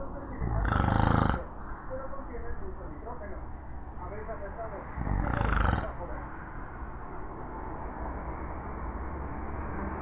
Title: Fatman snoring part 3